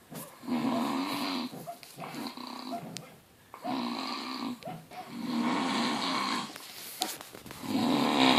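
Very loud, harsh, rattling snores on the in-breaths with quieter gaps between them: heavy snoring.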